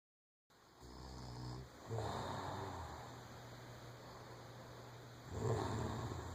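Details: Adult woman asleep, snoring: loud, low, rumbling snores with long rattling breaths over steady room noise; habitual snoring.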